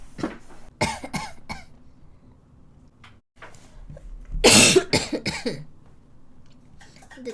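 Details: Girl coughing: repeated dry coughs in short bursts with one stronger harsh cough, quiet room; she mentions morning cough, abdominal pain from coughing, and worse when lying down; cough.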